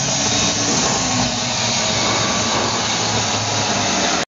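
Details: 500 W shortwave diathermy physiotherapy unit operating, a device that deep-heats soft tissues and joints with radio-frequency energy: steady loud hum and hiss.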